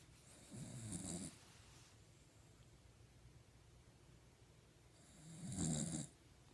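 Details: Sleeping Puggle (small dog) snoring: two rough, snorting snores about five seconds apart over quiet room noise.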